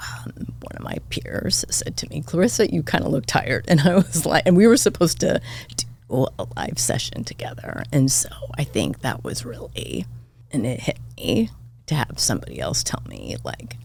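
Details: Adult woman diagnosed this year with spasmodic dysphonia, attributed partly to voice overuse as a podcast host and partly to stress; symptoms occur unpredictably and appear during the interview; spasmodic dysphonia.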